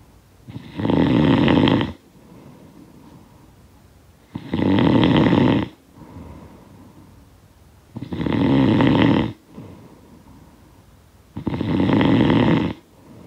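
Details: Loud rattling snores on each in-breath, about four in thirteen seconds, with quiet breathing out between; sound-effect recording of snoring.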